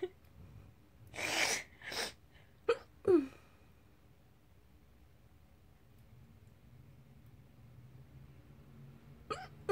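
Laughter broken by a few short, sudden voiced gulps, typical hiccups, against quiet room noise.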